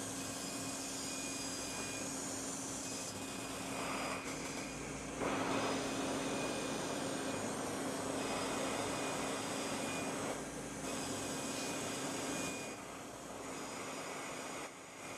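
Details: Live demo of Edge 1 CO2 fractionated laser on a patient's face, also treating perioral lines and wrinkles; the patient says the air helps a lot: loud continuous rushing cooling airflow with a steady machine hum, shifting in level; CO2 laser with cold-air cooling.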